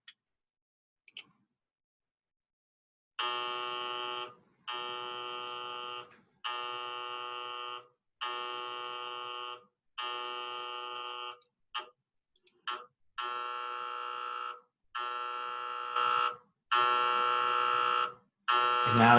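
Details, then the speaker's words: Loud repeated electronic buzzing tones in roughly one-second bursts with short gaps, after initial calibrations: MRI scanner running a five-minute T1-weighted brain scan (256×256 k-space, 450 ms inversion time) on a volunteer; MRI scanner noise. "you'll hear the scanner do a couple initial calibrations and then you'll you'll hear kind of what that scanner sounds"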